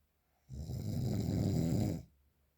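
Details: A single long, deep, rattling snore lasting about one and a half seconds, then quiet: very loud snoring, real unprocessed recording.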